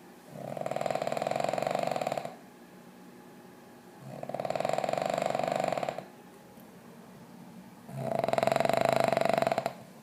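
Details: Loud, rough, buzzing dog snores, each about two seconds long with quiet gaps between, roughly fifteen a minute: heavy dog snoring.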